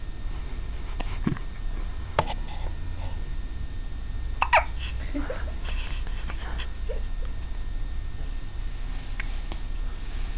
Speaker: Here's my baby who has hiccups. She gets hiccups maybe every other day. I'm glad she doesn't cry during hiccups.